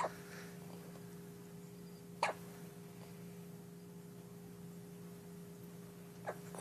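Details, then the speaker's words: First-ever bout of hiccups: three faint, sharp, abrupt hiccup clicks a few seconds apart over a steady background hum. "with hiccups."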